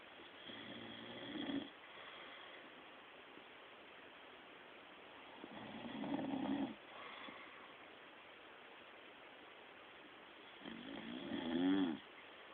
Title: RONCANDO